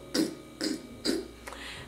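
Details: Rapid, repeated rough throat-scratching noises, a deliberate throat clearing done to relieve an allergic throat itch from airborne allergens; throat clearing.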